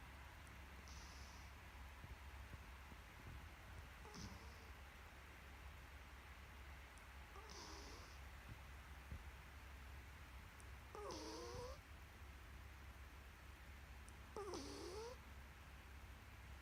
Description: Blackie the black lab snoring at 9 weeks old 😍😍😍